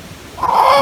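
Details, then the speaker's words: Newborn with vocal cord paralysis: high-pitched inspiratory stridor with chest wall retraction. "lo más frecuente laringo Malasia pero esa tonalidad alta es característica de la parálisis de cuerdas vocales"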